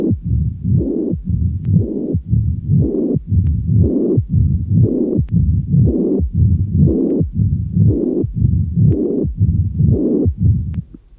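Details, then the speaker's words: Combined mitral stenosis and regurgitation: a systolic murmur, then a diastolic rumble with presystolic accentuation. Described for a rigid annular valve with a 1.5–2 cm² orifice, where both murmurs can be loud and the first sound is usually not accentuated. "D’abord le souffle systolique, puis le roulement diastolique avec son renforcement présystolique."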